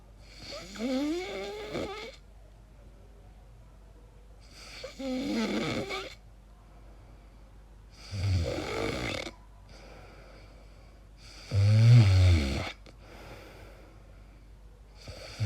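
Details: Person recording their own sleep noises, wondering whether it is snoring or sleep apnea: loud, rattling snores on breaths in, four in about 15 seconds with quiet gaps, roughly 16 breaths a minute; heavy snoring.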